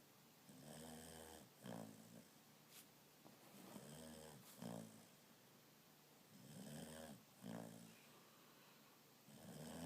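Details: Dog snoring while asleep: repeated rumbling snores on each breath, about 20 breaths a minute, each followed by a short snorting exhale; owner calls the snoring weird.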